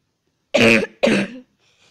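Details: Two loud, harsh cough bursts in quick succession from a child who says they are sick, in a quiet room.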